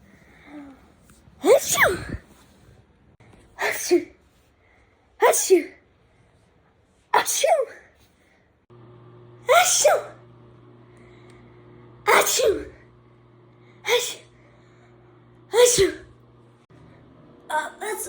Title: How different people sneeze